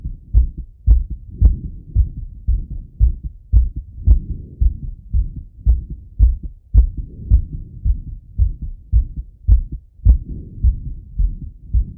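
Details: Male self-auscultating his heart with a stethoscope after a workout set: fast, regular lub-dub at about 110 beats a minute with some rubbing noise; normal heart sounds quickened by exertion.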